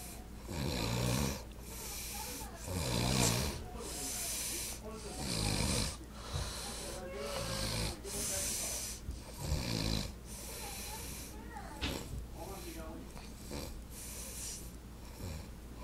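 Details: Uncle snoring: loud, rough, rhythmic snoring with a low rattle on each in-breath, repeating steadily; faint background noise.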